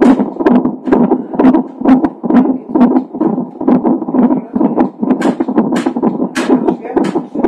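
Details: Fetal heart sounds of a baby with Down syndrome, recorded a few hours before birth: rapid, regular whooshing beats, roughly 130 a minute, from a fetal heart monitor.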